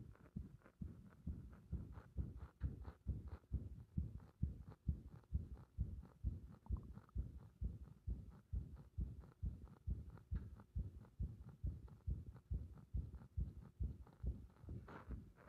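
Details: Fast, somewhat uneven heartbeat near 130 a minute recorded with the chest pressed, with early beats, described as a bursting sensation in the heart; frequent irregular beats (arrhythmia).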